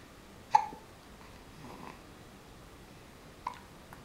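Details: Male infant about 6 weeks old: two brief, sharp hiccups about three seconds apart in a quiet room. Infant hiccups.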